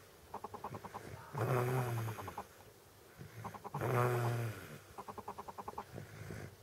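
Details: Sleeping infant with Down syndrome snoring: rattling, fluttering snores on each breath in, about 25 breaths a minute, noisy breathing from a partly narrowed upper airway.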